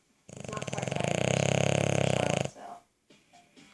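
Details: Boston Terrier snoring: a loud, rattling, buzzy breath sound of about two seconds with a fluttering quality.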